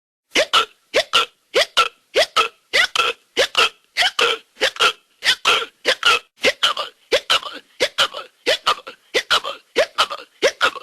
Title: HB Collection of Hiccups SFX